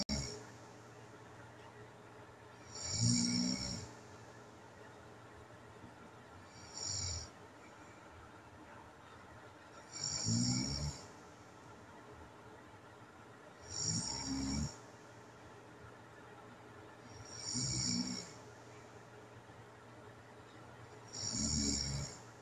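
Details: Home recording of a sleeping adult with sleep apnea: loud, rasping snores every few seconds, no long breathing pause heard; snoring with obstructive sleep apnea.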